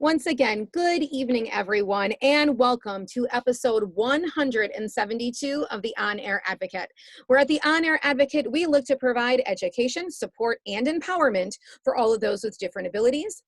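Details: Adult woman speaking; typical speech.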